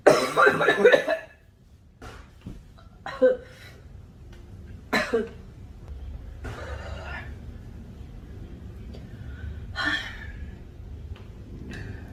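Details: Girl coughing in a quiet room: a loud burst of rapid coughs, then a few quieter single coughs and throat clearing.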